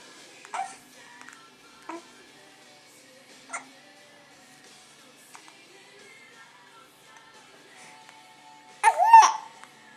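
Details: Happy infant making happy noises while hiccuping; soft, brief hiccup sounds recur every second or two over quiet background music, then a small vocal squeal; infant hiccups.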